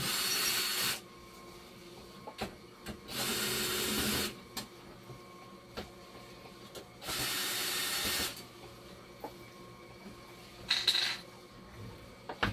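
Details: Dialysis machine running during troubleshooting of a low-conductivity fault (10.0), suspected broken spring in the acid pump: repeated bursts of loud hissing every few seconds between quieter mechanical clicks and hum.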